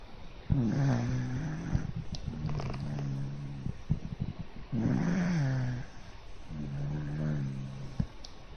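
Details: Snoring in a pet dog sleeping on its back on its owner's arm: buzzing, droning snores with each breath, several long rumbling breaths in a row; ordinary snoring.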